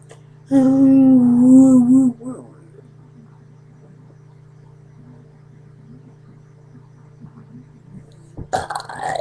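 One long, tonal belch lasting about a second and a half, followed by quiet with a steady electrical hum.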